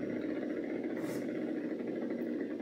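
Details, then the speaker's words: Needle EMG of the right extensor digitorum in a female volunteer: continuous dense crackling static as she voluntarily extends her fingers, rising from a quiet baseline at rest; voluntary motor unit activity. "if we ask her to activate her muscles by extending her fingers we can see an increase in the electrical activity on our screen"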